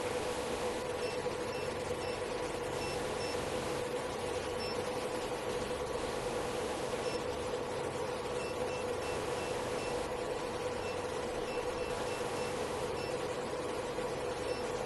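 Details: Portable diode laser hair removal machine (755, 808 and 1064 nm wavelengths) running: a steady fan-like hiss with a low hum and faint high-pitched beeps repeating at intervals.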